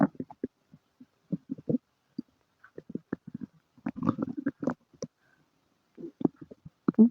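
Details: Bursts of gurgling, squelching rumbles with brief tonal squeaks over a quiet background; active bowel sounds (borborygmi) in someone with diarrhea and flatulence.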